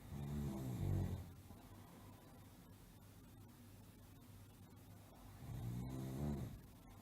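Two deep rattling snores about five seconds apart, with quiet breathing between; typical sleep snoring from a sound-effect recording.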